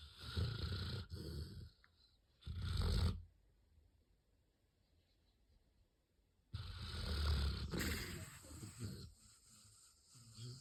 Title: Dreaming snoring lab 😴 🥰 #labrador #shorts #dog #dreams #doglife #blacklabrador